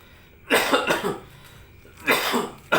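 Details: Person with a cough and cold (batuk pilek): two bouts of short, rough, wet-sounding coughs, a third starting at the end.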